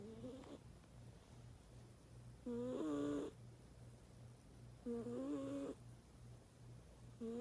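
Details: Male snoring during sleep: soft, slow, whistling-toned snores about every two and a half seconds over a faint steady hum.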